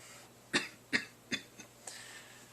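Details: 31-year-old man with Tourette syndrome, mostly motor tics since about age 9: three short, sharp cough-like bursts in quick succession, then a softer sound, a coughing vocal tic.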